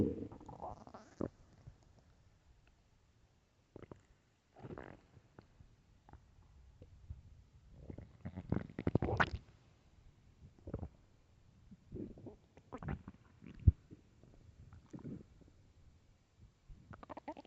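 Low gurgling and rumbling stomach growls come in irregular bursts with quiet gaps, typical hunger growling of the gut.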